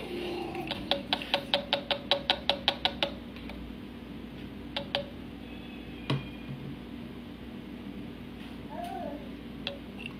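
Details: Electric breast pump described as low-noise, running its suction cycle: a rapid run of soft rhythmic clicks, about two or three a second, then scattered quiet clicks; breast pump operating sound.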